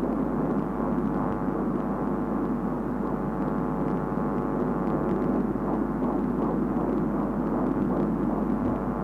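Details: Fetal heartbeat at 16 weeks and 1 day of pregnancy: steady whooshing hum with faint rapid pulsing, consistent with Doppler pickup.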